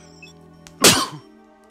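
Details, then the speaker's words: A single sharp, explosive sneeze from an adult streamer whose mic could not be muted, cutting through steady background video game music; an ordinary sneeze. "sorry about that I tried to mute my mic wasn't able to so you had to hear the sneeze"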